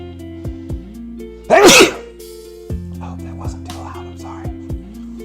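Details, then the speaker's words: Adult on day 30 of a carnivore diet gives a single loud, sharp sneeze while talking, over steady background music with light percussion; sneeze. "sounds really peaceful but um so carb I'm a sneeze"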